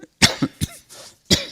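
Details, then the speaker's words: Adult speaker at a public talk, voice strained after seven weeks of a book tour, says he is not infectious and gives a recurrent cough: cough. "excuse me, and I'll have to excuse for my recurrent cough."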